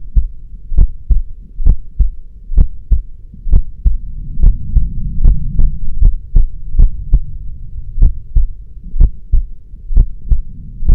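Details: Steady paired low lub-dub thumps at about 66 beats a minute over a soft background hum; a regular, normal heartbeat.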